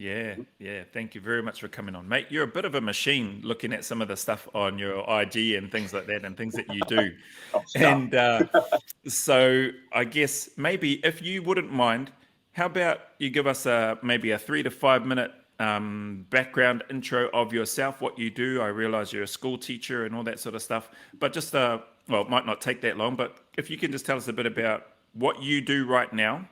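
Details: Adult man speaking; typical speech.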